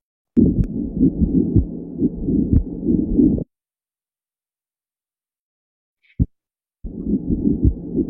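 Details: Harsh, scratchy rubbing noise over the heartbeat, heard between heart sounds and clearest in expiration with the patient sitting; a pericardial friction rub from pericarditis.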